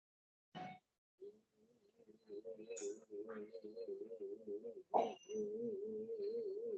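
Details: Female patient with essential vocal tremor, an involuntary oscillation of the larynx, pharynx, palate and tongue base muscles occurring in both respiration and speech; essential vocal tremor.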